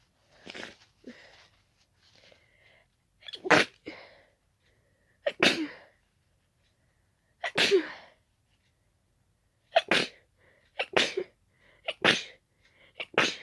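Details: About eight sharp, wet sneezes at irregular intervals, each with a quick in-breath, triggered by closely smelling daisies; allergic sneezing.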